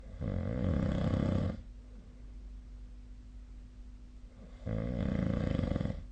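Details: Snoring during sleep: two long, loud, rattling low snores with a quiet pause between, in a small room.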